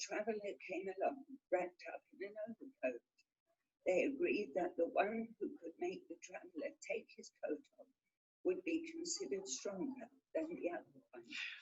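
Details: Adult patient reading aloud; adductor spasmodic dysphonia.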